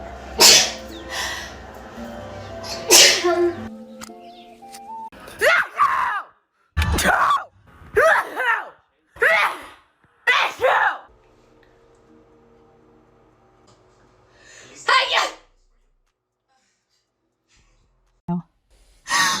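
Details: A woman with seasonal pollen allergy has a sneezing fit: several forceful sneezes in quick succession with gasping breaths between, over background music.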